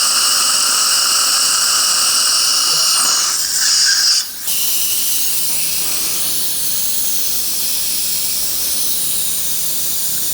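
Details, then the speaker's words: Dental implant drilling in a 29-year-old male, immediate implant after extraction at tooth #25 with bone graft; high-pitched steady drill whine with hissing water spray, briefly changing pitch, then fading into a softer hiss. "Looking at depths gauge sinus floor is slightly penetrated this has been confirmed. 4.0 by 10 millimeter final drill is going to be used at the 4.5 diameter implant is going to be placed, but to get good primary stability from the sinus floor."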